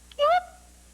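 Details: Acted TV courtroom drama: a male witness with Tourette syndrome, which he says varies over time and he cannot control for long; vocal tic (Tourette syndrome).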